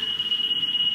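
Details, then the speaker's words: Veterinary anaesthesia respiratory monitor on a plush toy demonstration patient: continuous high-pitched electronic alarm because no breath has been detected for a long time, an apnoea alert. "if there is a lack of breathing depression has stopped breathing and it has an Addison detected any breath for a long time it will alert this will probably go off in a minute and you can get the example"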